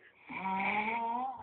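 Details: Sleeping man snoring, with onlookers cheering him on; a single drawn-out, tonal droning breath lasting about a second, a loud snore.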